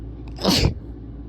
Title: Sneezing and nose blow